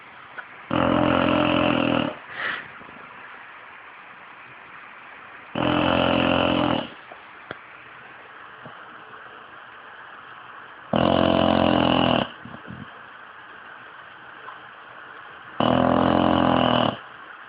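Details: A 5-year-old English bulldog snoring loudly in slow, regular bursts, each over a second long, with quiet breathing between.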